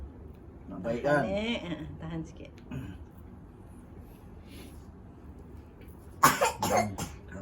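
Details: Adult with a cough for about a month, recorded during 'saraf telur' nerve therapy: two or three short, harsh cough bursts after brief voiced sounds in a quiet room.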